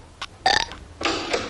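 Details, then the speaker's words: Burping contest in The Simpsons animated series, cartoon children: several short voiced burps from a cartoon; belching. "We're having a burp contest, Mom. Well, knock it off. I do not allow burping in this house."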